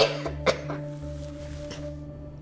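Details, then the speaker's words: Huff cough for airway clearance in a child with cystic fibrosis: deep breath held three seconds, more breaths stacked in, then a forceful complete exhale. It can be done with or without an oscillating PEP device. A short breathy huff over a steady tone. "take in a few more breaths before letting all the air out in a slight forceful and complete exhale stacked huff coughs can be done with or without an aerobic ax - coughs"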